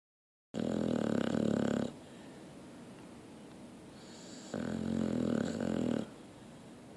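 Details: Two long, rattling, buzzy snores with quiet pauses, about one every four seconds, from a sleeping dog; snoring.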